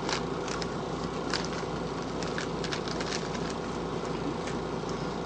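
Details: Steady motor hum with faint crackling from a suction machine running continuously at medium suction while sterile gloves and catheter are prepared, before a nasopharyngeal suctioning skill demonstration for a patient unable to cough up secretions.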